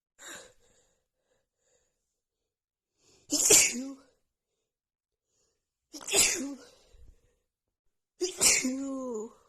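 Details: Female with a head cold and a blocked nose, after sniffing a tiny bit of black pepper: four forceful, voiced sneezes about every two to three seconds with brief quiet gaps; rapid sneezing fit.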